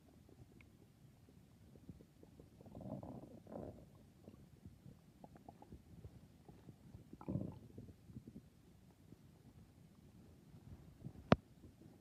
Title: 🤤nighttime stomach growls🤤